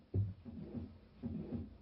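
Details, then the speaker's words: Simulated patient sound on a computer teaching program: stethoscope placed at a standard heart auscultation site; low thump then sustained low rumbling murmur between beats; female patient with dizziness, also found to have an arrhythmia. Heart murmur. "And we can hear that there's a bit of a murmur in this patient, so that gives us maybe some idea about why her dizziness."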